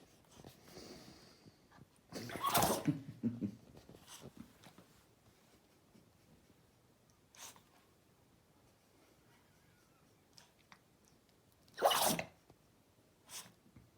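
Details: Chihuahua sneezing: two sharp, sudden sneezes with a few softer snuffles between them in a quiet room.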